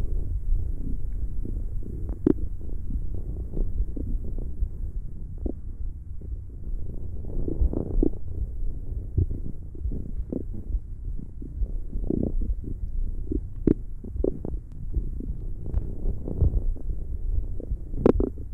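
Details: ASMR stomach growling: continuous low gurgling and rumbling with scattered bubbling pops; borborygmi.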